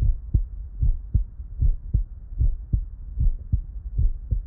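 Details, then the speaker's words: Steady lub-dub heartbeat recorded with an Eko CORE digital stethoscope and shown as a phonocardiogram in the Eko app, about 76 beats a minute; normal heart sounds. "This rhythm is the phonocardiogram. Take a few minutes to listen to that."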